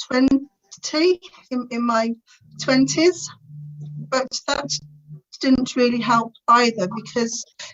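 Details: Adult woman's stuttering (stammer) since about age three, described as uncontrollably bad, with teenage years when she could hardly put two words together; later attended the Starfish Project speech therapy course to gain control.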